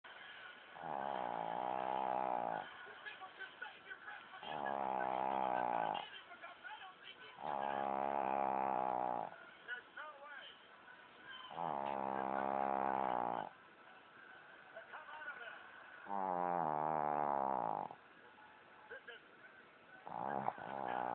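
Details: Snoring: regular loud, buzzing snores, about 13 per minute, each lasting nearly two seconds, with quiet pauses between.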